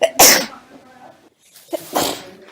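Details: Two loud, abrupt bursts of air with a sharp hissing onset, separated by a brief pause, from a sneeze compilation; sneezing.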